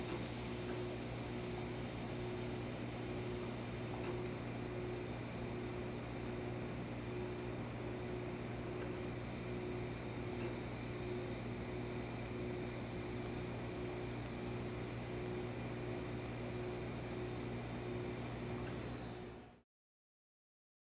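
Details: Steady machine hum with rapid, regular pulses, about four a second: a Quanta Q-Plus-C Q-switched 694 nm ruby laser firing on green tattoo ink during laser tattoo removal, with cold-air cooling in use.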